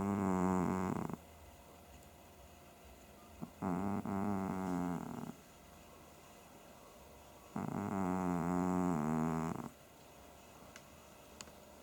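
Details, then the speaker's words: Sleeping pet cat snoring: three long, buzzing, rattly breaths, each one to two seconds, about fourteen a minute. "сейчас мы будем снимать как храпит Наш кот"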